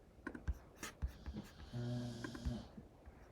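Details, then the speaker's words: A pet dog, a loud snorer, snores while asleep: a single low, rumbling, buzzy snore under a second long over quiet room noise with keyboard and mouse clicks. "sorry if you can hear my dog snoring she's quite allowed snora but I'm happy because she's getting rest"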